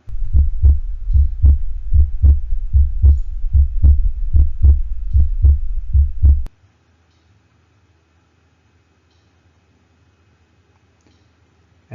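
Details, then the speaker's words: Heart sound simulator mimicking a normal dog: regular lub-dub about 75 a minute, S1 and S2 slightly too tympanic (drum-like): normal heart sounds. "this next recording is meant to mimic a normal dog using the heart sound simulator the hearts on simulator makes s1 and s2 sound just a little bit too tympanic but let's give a listen anyway"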